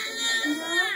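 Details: Brief, high, strained wail from a baby, a pain cry right after first vaccination shots.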